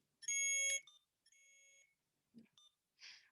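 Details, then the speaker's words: Alaris IV infusion pump during a piggyback setup demonstration, showing a 'tubing blocked inside pump' occlusion alarm: loud high-pitched electronic alarm tones in bursts, then softer beeps. "Tubing blocked inside pump. Let's see. So yes, needless to say, apologize for all the beeping and technical errors."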